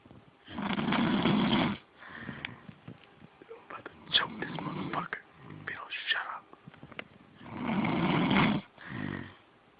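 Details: Ongoing snoring during sleep: loud, rough, rattling snores with quieter snuffling breaths between them, in a quiet room.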